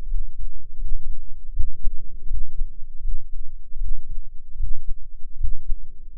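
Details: Self-recorded adult heartbeat through an experimental microphone enclosure and tube, dominant frequency about 10 Hz: deep, muffled, regular thumping at about 74 beats per minute under a faint rumble, including a breath-hold; normal heart sounds.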